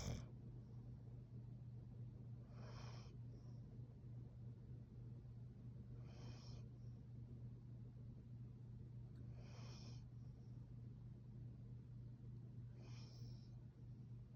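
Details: LunaBear, a Plott hound mix dog, snoring softly while asleep: regular snores, four breaths in about 14 seconds, each with a faint hiss, over a steady low hum.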